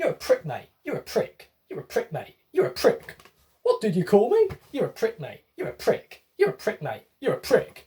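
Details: Acted, comedic example of echolalia by an autistic adult male, repeating a phrase back.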